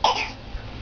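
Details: A child gives one short, deliberate voluntary cough, imitating mom; it is a fake cough, not illness.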